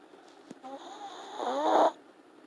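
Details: Single drawn-out snoring breath with a rising, whistling nasal edge from Nugget, a sleeping long-haired teacup Chihuahua.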